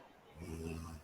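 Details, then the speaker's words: A single low, rumbling, rattly snore, building then fading over under a second, from an adult woman who fell asleep during a podcast recording. "Oh, I that? fell asleep. We know. Yes, we can hear the snoring."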